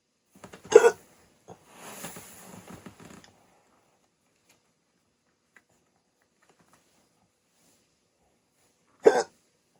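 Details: Adult woken by a 16-minute hiccup attack after sleeping with a CPAP mask for sleep apnea: two sharp, abrupt throaty hiccups about eight seconds apart, with a soft breathy sound after the first, during an ongoing bout.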